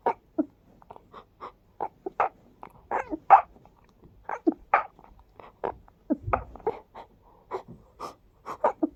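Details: Rapid run of about two dozen short, breathy, snorting sneezes over nine seconds, each a quick nasal puff, from someone with severe allergies who felt light-headed afterward; repeated sneezing.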